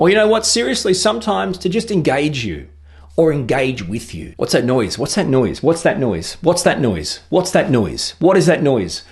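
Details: Autistic adult repeating own phrase over and over; palilalia, which may be used to maintain focus, avoid overwhelm, engage others, or express thoughts, feelings and needs.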